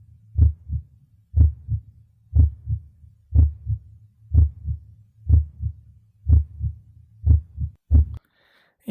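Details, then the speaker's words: Simulated normal heart sounds in a virtual-reality auscultation of a virtual patient, heard at the main foci including tricuspid and mitral: regular two-beat rhythm at about 60 a minute with normal first and second sounds. "esse paciente aqui ele tá totalmente normal certo ele tá com ritmo cardíaco regular em dois tempos e com bulhas normofonéticas e a frequência cardíaca dele tá OK"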